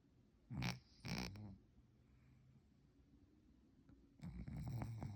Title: Creepy Pants cat snoring so loud! #scarycat #cat #creepypants